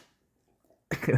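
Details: Doberman dog: a quiet pause, then one sudden, forceful sneeze near the end.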